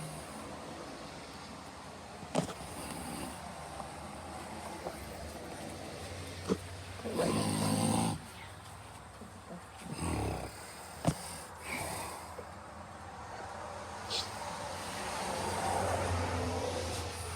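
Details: Irregular rough snores over steady low room or engine noise, a few loud rattling breaths among quieter ones; snoring.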